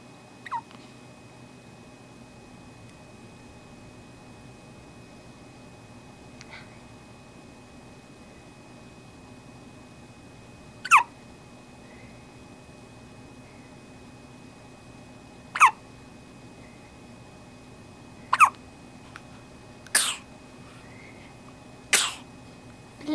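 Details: Short, sharp infant hiccups recurring about seven times at irregular intervals in a quiet room; baby hiccups.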